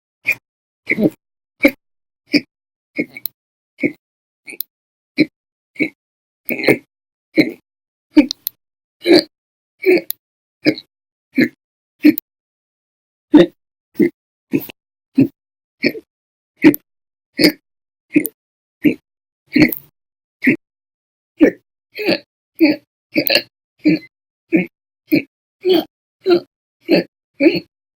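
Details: Persistent violent, very loud hiccups recorded 10/1/19, lasting 13 hours 34 minutes that day; rapid, loud, abrupt voiced gulps repeating steadily with one brief pause.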